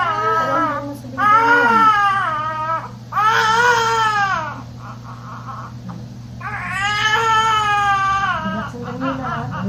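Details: Newborn boy just after fast normal second delivery: loud, strong bursts of crying with a steady background hum and faint music; a vigorous newborn cry.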